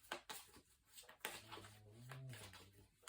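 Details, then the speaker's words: Sleeping dog snoring in the background: a low, drawn-out rumbling snore, with card-handling clicks and room noise around it. "dog's snoring in the background if you can hear"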